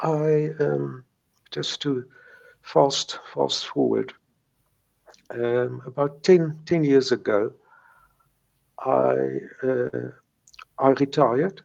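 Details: Stuttering in an adult man who has stuttered since age three; he says he still has mild blocks.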